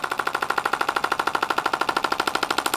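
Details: Pelvic-health shockwave therapy treatment, used on scars and tissue: rapid, even mechanical tapping at roughly ten pulses a second, a steady clacking buzz from the shockwave wand in use.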